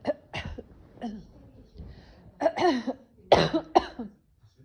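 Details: Sudden bout of coughing and sneezing, cause uncertain (possibly allergies): about six short, voiced, throaty coughs with a few quiet breaths between them in a quiet room.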